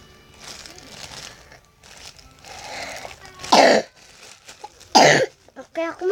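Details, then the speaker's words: Girl with a current cough, coughing during a squishy-toy unboxing: a couple of short, harsh coughs with quiet rustling, soft music and a few murmured sounds around them. "Aku batuk banget, maafin banget ya."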